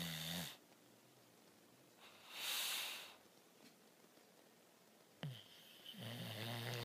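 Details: Low, humming snores alternating with a breathy, whistling breath in a quiet room. Snoring during sleep.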